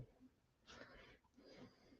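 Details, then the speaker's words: Two soft, noisy snoring breaths from a pet resting comfortably in a small room. Finding: snoring. "Hopefully you can hear Miss snore a lot. See snoring comfortably"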